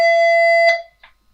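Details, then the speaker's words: Loud, steady electronic alarm tone lasting under a second, then a faint click, from a MEDUMAT Standard2 emergency and transport ventilator during its function check with the test bag connected to the hose system. "for this connect the blue test back to the host system like this and then turn on the device after that go to function check press enter and start the function check"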